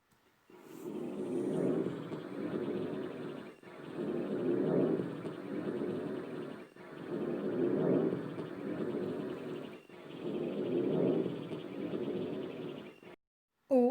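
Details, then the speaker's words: Normal vesicular breath sounds, described as soft like sea waves, continuous with no pause between phases and inspiration longer than expiration: low rustling breathing rising and falling, about four breaths. "ele vai ser menos intenso que o som brônquico que isso que a gente acabou de aprender e o som dele parece bastante com o som das ondas do mar o tempo do som da Inspiração é maior do que o tempo de som tá inspiração e é um som continuar a gente não vai ter uma pausa entre as sessões"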